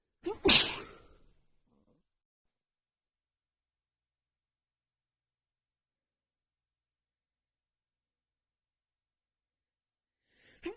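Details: Sneezing fit triggered by dust: a single sharp sneeze after a brief inhalation, then long silence with a faint start of another at the end.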